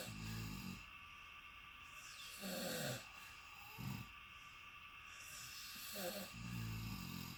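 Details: Travel companion sleeping in a shared hotel room: loud, low, rattling snores on each breath in, with snorting bursts between them, over steady room hum. Heavy snoring.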